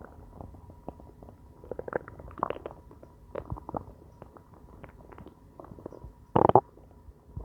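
Irregular low gurgles and rumbles with a louder burst near the end; ordinary stomach growling from hunger, a normal bowel sound.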